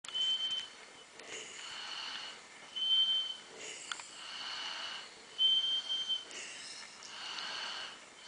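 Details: High-pitched nasal whistle repeating with each breath, about 23 a minute, with soft breathy noise between; a whistling snore during sleep.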